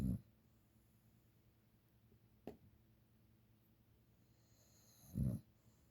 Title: My little snoring Sleeping Beauty!